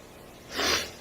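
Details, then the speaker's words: Woman with hives on her thighs, itchy nose and itchy throat: a single short, breathy sneeze in a quiet room; allergic sneeze. "I can't show you, but I have hives on the back of my thighs and on the sides, and I can't even tell you how much my nose is itching."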